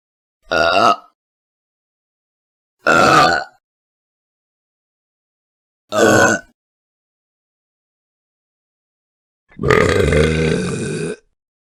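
Four separate voiced belches from sound-effect recordings, three short and a final longer, deeper one, with silence between them.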